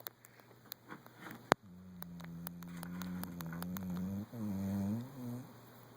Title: Pepsi the snoring pittie